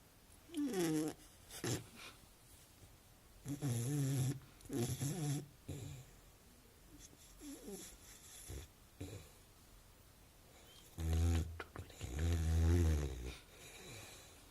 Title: Snoring puppy